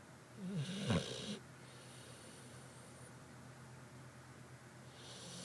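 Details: A single short snorting snore over steady background hiss, then quiet breathing: snoring.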